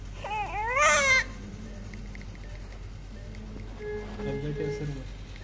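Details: Full-term newborn baby boy after normal delivery: one short, high-pitched, wavering newborn cry, then quiet room hum and faint tonal background sounds.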